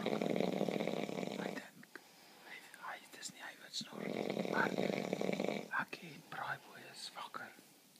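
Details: Adult man snoring while sharing a room: two long, loud, rough breaths with a buzzing low rattle, separated by quieter breathing; snoring.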